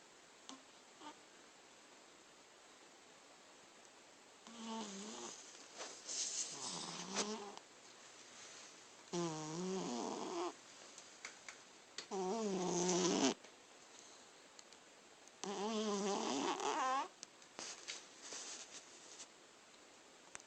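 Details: Cat snoring in sleep: rough, rattling snores in a slow irregular rhythm, about 19 a minute, with quiet pauses between them.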